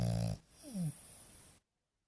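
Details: French Bulldog asleep: a brief low rattling snore followed by a soft whistling breath; snoring.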